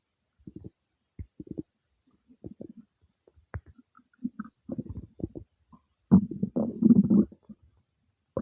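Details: Irregular soft gurgles and pops building to a longer rumble; normal bowel sounds of digestion some time after eating cake.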